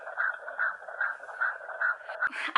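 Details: Fetal heartbeat of a baby boy from the second trimester: rapid, regular whooshing at about 145 beats a minute, a normal fetal rate.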